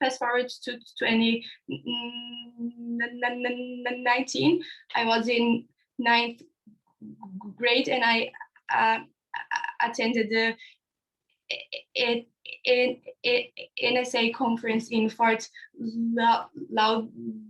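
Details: Real stuttering (stammering) in a young person from India, who describes his own stuttering on a panel of young people who stutter.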